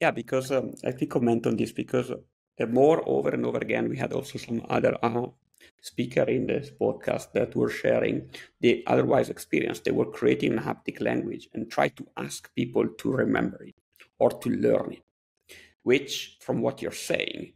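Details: Adult male speaker; ordinary speech.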